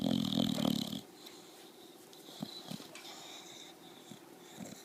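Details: A bulldog snoring loudly: one loud, rattling snore, then quiet breathing with a few faint snorts.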